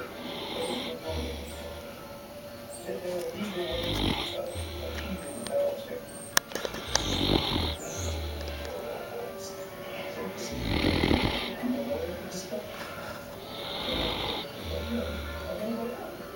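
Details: Newfoundland dog snoring contentedly in sleep: low, rumbling snores recurring every couple of seconds, with soft music and room noise behind.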